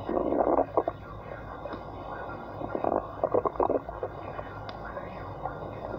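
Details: Stomach growling (borborygmi): irregular bubbling, gurgling bursts over a low background hum, clustered in short runs.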